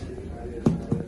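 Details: Two brief hollow taps of finger percussion over the abdomen near the umbilicus while testing for shifting dullness in an adult male, giving a resonant, drum-like tympanic note.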